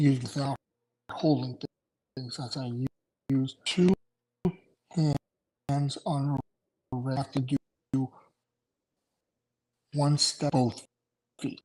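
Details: Aphasia in an adult male after two strokes in November 2017, including a hemorrhagic stroke, with short-term memory problems, right-sided weakness, an unusable numb right hand and ten seizures since the stroke.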